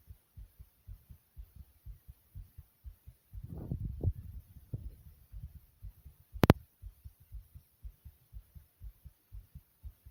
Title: My Heartbeat Sound (headphones required)